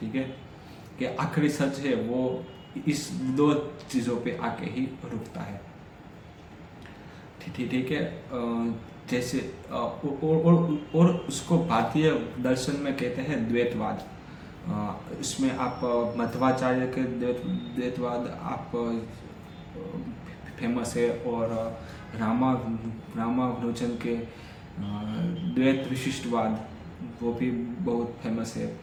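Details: Adult man with stammering, on day 3 of a daily fluency practice routine that includes breathing and relaxation exercises, speaking continuously as reading and storytelling practice; stammering.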